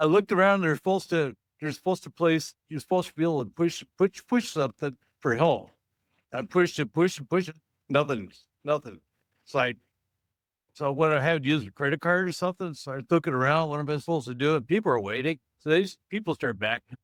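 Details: Stroke survivor who has had aphasia since 1990; finding: aphasia.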